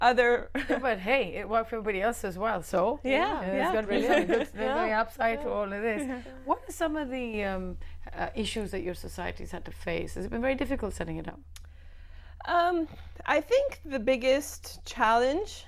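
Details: Adult speaker; fluent speech.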